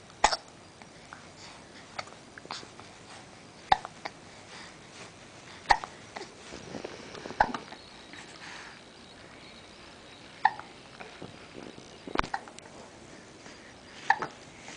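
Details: Child hiccups: about eight short, sharp hiccups in fifteen seconds at irregular spacing, with faint room noise between them; the child may be sucking a thumb.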